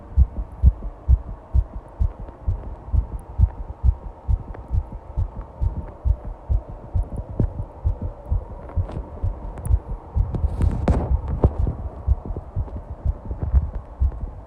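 Rapid, regular low thumping heartbeat at roughly 130 beats a minute, consistent with a fast heart rate.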